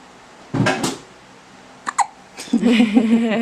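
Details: Newborn girl under a week old, already back to birth weight, with hiccups: short, abrupt hiccups, some in quick pairs, followed by a brief whiny vocal sound.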